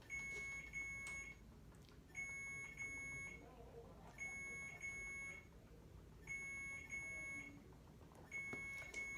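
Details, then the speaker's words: Repeating bursts of high electronic beeps about every two seconds over quiet room noise, from an IV infusion pump during chemotherapy hydration with magnesium and sodium chloride in an adult woman with cholangiocarcinoma; infusion pump alarm. "let me grab a nurse this for this beeping i think it's okay now watch it's gonna go if i turn around so if it says air i can just hit the restart"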